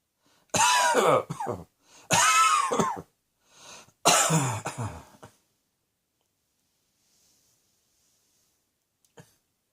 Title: Cross Dressing Coughing 71